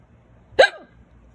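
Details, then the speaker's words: Loud, violent hiccups that began suddenly after eating a small salad: a single sharp, loud hiccup with a short squeak of voice, interrupting speech. "Excuse me, small salad and hiccups. I thought maybe they were gone for a minute, but it looks like they want to last."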